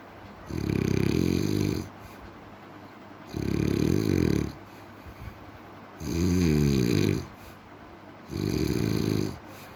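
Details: Four low, rattling snores on inhaled breaths, roughly 24 a minute, with quiet pauses between; steady snoring from a sleeping dog.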